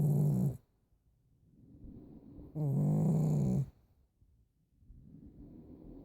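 Loud, low, rattling snores on breathing in, about every three seconds, with quieter breathing between: snoring in a flat-faced dog.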